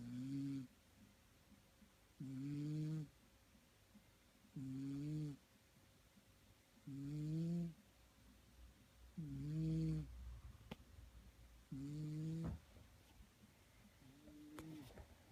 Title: Snoring cat